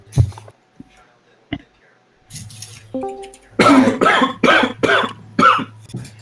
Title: Clear crisp cough